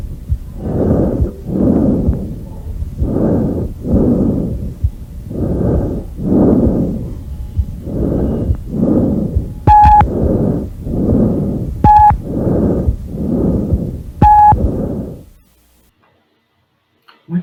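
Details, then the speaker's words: Normal tracheal breath sounds heard with a stethoscope placed over the trachea: loud, harsh, hollow breathing with no pause between them and equal-length inspiration and expiration. "vamos tentar agora eu vou pôr para você ouvir um som chamado de som traqueal"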